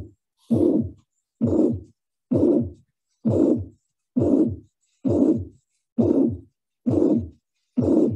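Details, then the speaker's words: Teaching recording at the apical region: harsh blowing pansystolic murmur at about 66 per minute, S1 and S2 barely distinguishable; mitral regurgitation murmur. "so it's located in the epical region so it should be some murmur related with mitral valve right and it's like blowing type harsh murmur and you can barely differentiate between s1 and s2 so this is a pan-systolic murmur"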